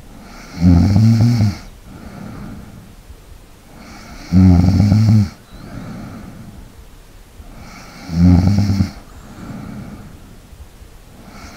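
Loud, rattling snores on each in-breath, about 16 breaths a minute, with softer breathing between them; regular sleep snoring.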